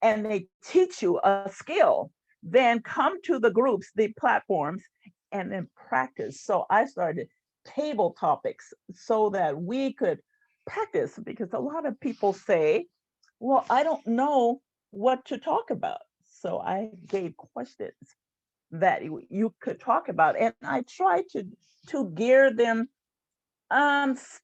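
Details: Adult woman who stutters, with audible sound and word repetitions; stuttering.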